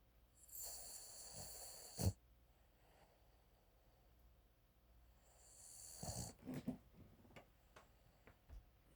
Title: Startled sleeping Tater #snoring #frenchton #dogs